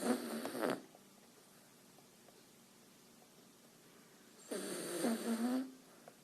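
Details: Dog snoring: two rattling, fluttery snores about four seconds apart with quiet between them.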